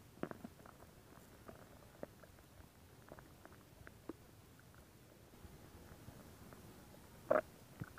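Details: Stomach growling recorded as ASMR: soft scattered gurgles and pops with one short louder gurgle near the end, ordinary borborygmi and normal bowel sounds.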